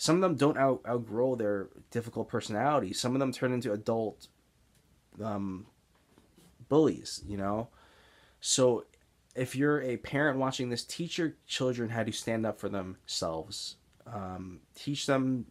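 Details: Adult man with Tourette's syndrome, stuttering since middle school, mainly blocks seen as excess mid-sentence pausing, especially on words beginning with S; stuttering (speech blocks).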